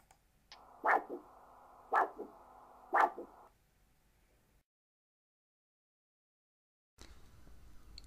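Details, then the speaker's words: Bidirectional Doppler arterial signal played back from a recorded waveform in Dopplex DR5 vascular reporting software: three rhythmic whooshing pulses with a brief second component each, about 58 a minute, then silence. "sie können die kurve auch akustisch wieder geben indem sie auf kurve wiedergeben drücken was sie dann hören ist das bidirektionale doppler signal"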